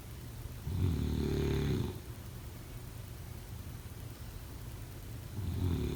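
Low, buzzing snores on in-breaths, about one every four to five seconds, with quieter breathing between and faint room hum.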